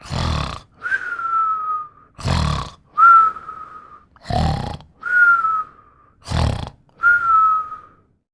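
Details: Snoring with a nasal whistle: rough, low snores on breathing in alternate with whistling tones on breathing out, about 14 breath cycles a minute.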